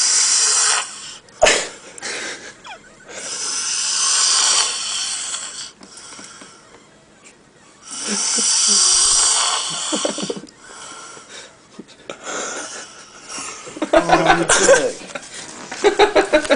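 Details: Heavy snoring: loud, rough snores with whistling, gurgling breaths and quiet gaps between them.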